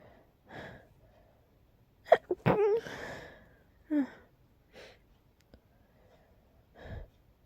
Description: You can hear how sleepy I was when sneezing here. Sometimes the tickle comes at night.. 😅